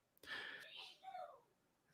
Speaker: Did you hear that sneeze in the background?